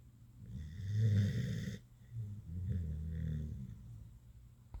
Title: Buddy the Staffie having a nap (turn up the volume for some cute snoring!) 😴🐶😍